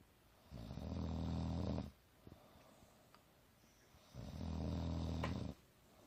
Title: 1 minute of gorgeous girl snoring